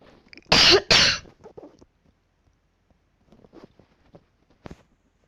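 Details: An adult who is ill with a cough gives two loud, harsh coughs in quick succession, then quiet rustling and one short, softer cough near the end.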